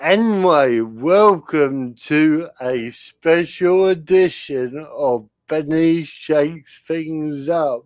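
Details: Dysarthria in an adult male with spastic cerebral palsy. He cannot control his limbs properly and his speech is affected. He attributes it to lack of oxygen at birth, when he stopped breathing.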